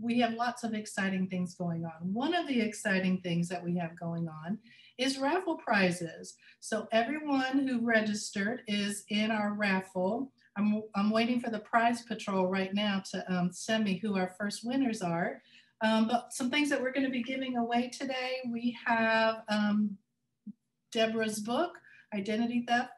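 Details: Adult woman speaking; Normal speech.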